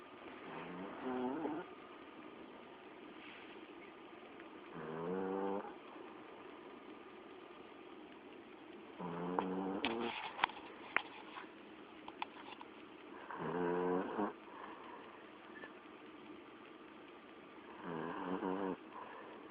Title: Dog Snoring